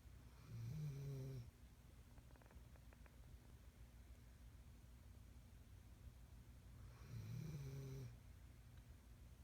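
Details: Two low, rumbling snores several seconds apart with quiet breathing between them: ordinary snoring during sleep.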